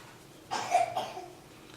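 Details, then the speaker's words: Single short cough with a brief second burst, heard at a distance in a quiet room, from a household member with a bronchial-type respiratory infection that has been passing through the family; cough. "if you can hear my talk about coughing in the background we've all been fighting some sort of respiratory like bronchial infection"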